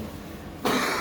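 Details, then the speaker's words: Single abrupt, harsh cough from an adult presenter teaching a business-formation class, who mentions having a cough; brief quiet before the cough. "I do have a cough so you're going to hear it"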